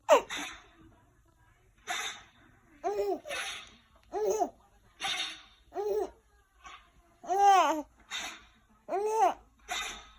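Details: Dog gives repeated short, sharp nasal sneezing bursts while an infant laughs brightly in a small room; sneezing.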